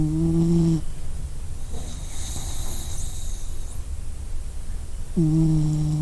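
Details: Dog snoring, presented as a sound effect.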